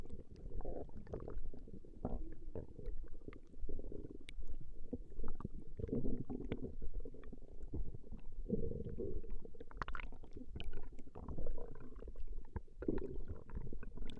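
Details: Recording of a woman's stomach growling: continuous low rumbling and gurgling from the belly over a steady background hum; ordinary stomach growling (borborygmi).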